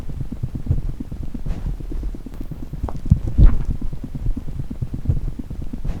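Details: A pet chipmunk's heartbeat: very rapid, regular soft thumps, several hundred beats a minute, with faint handling rustles.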